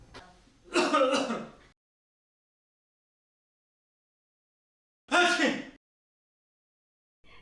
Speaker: if you do not have a handkerchief or tissue use your upper sleeve or inner aspect of elbow to cough or sneeze